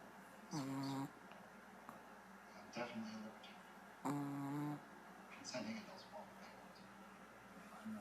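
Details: 9-month-old female Shih Tzu dog snoring while asleep.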